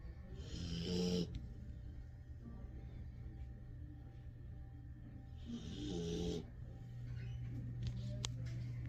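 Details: Sleeping husky-mix/German shepherd dog snoring: two slow, rattling snoring breaths over a steady low room hum.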